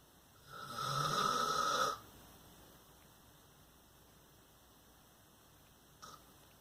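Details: Adult man (father) snoring asleep at night: one loud, buzzing snore of about 1.5 seconds, then quiet with a faint snort near the end.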